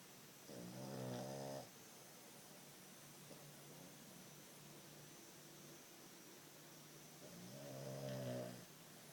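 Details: Man asleep: two rumbling, buzzing snores on inhalation with quiet breathing between, over steady room hiss; ordinary snoring.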